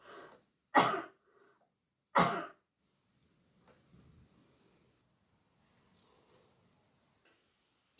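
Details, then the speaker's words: Two deliberate sharp single coughs about 1.5 seconds apart, demonstrated by a nurse while seated leaning back with abdominal muscles tightened, a bracing technique for coughing safely after osteoporotic spinal fractures. "So if you feel a cough coming on, tighten those abdominal muscles,"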